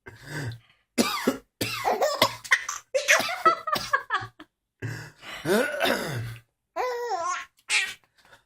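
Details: Father gives a series of harsh adult coughs in a small room, with bursts of high-pitched infant laughter from his baby between them.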